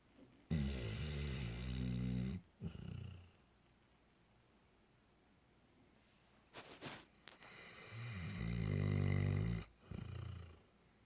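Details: Black Labrador dog snoring while asleep: loud, rattling snores on each in-breath and a softer snort on the out-breath; ordinary snoring.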